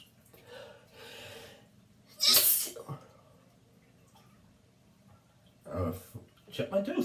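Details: Adult resting in a bathtub after being out in the rain, drinking wine, who says she is sneezing constantly and her nose burns: repeated sharp, hissing sneezes with breathy vocal sounds between, echoing in a bathroom.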